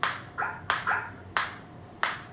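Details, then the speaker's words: Biotronix focused (not radial) ESWT unit in hand mode R7 at intensity 3, applicator fired once the indicator turns green: four sharp, snapping clicks, each with a brief ringing tail, as single shots fire. "Like if I put the same over here, you can see this is green now, and I am getting the shot."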